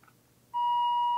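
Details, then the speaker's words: ICU Medical Medfusion 4000 syringe pump in a training demonstration, infusing ampicillin: a steady high electronic tone after a quiet room, the near-empty syringe alarm; check that the syringe is loaded properly and in place. "so here's an example of an alarm that says the syringe is near empty this could happen you may just want to make sure that you have all your syringe loading all properly and in place so just double check that"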